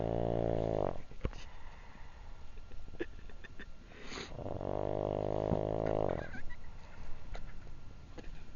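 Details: Adult man snoring outside his tent after a drunken night: two long, low, rattling inspiratory snores separated by a quiet pause, faint outdoor background; snoring.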